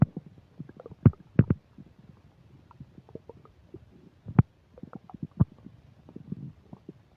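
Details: Loud, irregular gurgling and rumbling bursts with sharp pops, heard close up: active bowel sounds (borborygmi) while eating a burger and fish fries, with upset digestion.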